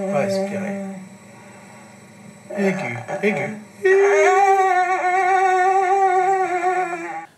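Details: Videostroboscopic recording of a patient with adductor spasmodic dysphonia, a laryngeal dystonia; adductor spasmodic dysphonia.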